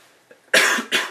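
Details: Two harsh, explosive coughs in quick succession from an adult who is sick, with a lowered voice.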